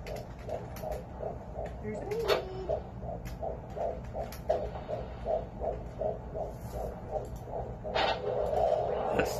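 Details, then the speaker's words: Fetal heartbeat on Doppler: rapid, regular whooshing pulses at roughly 150 beats a minute, described as strong. "heartbeat i'm sorry that's a strong heartbeat it sure is"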